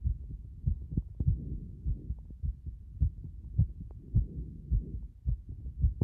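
Muffled heart thumps near 105 a minute with uneven spacing and frequent early beats; an irregular rhythm from frequent arrhythmia.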